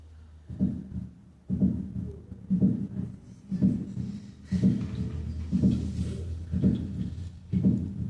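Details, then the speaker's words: Cardiology auscultation teaching recording through the stethoscope bell at 60 beats per minute: regular, low thuds of S1 and S2, a slow, steady heart rhythm. "para ello la campana del estetoscopio primero a 60 latidos por"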